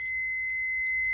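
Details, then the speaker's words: Automated external defibrillator switched on during an AED training demonstration by a paramedic instructor, before pads are applied: steady high electronic tone with faint clicks, the start-up signal before voice prompts. AED power-on tone. "so we put it on that person and then it will tell whether they need it or not so let's just go through the motions here turn it on"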